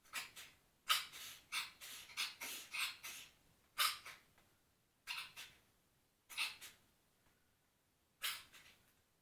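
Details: Dog named Sam with recurrent coughing that worries the owner; repeated harsh, breathy coughing bursts in clusters of two to five, separated by short pauses.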